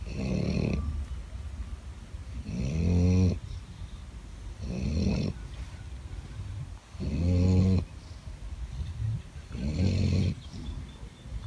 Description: Here’s a video of two dogs sleeping and snoring loudly.Cuteness overload right?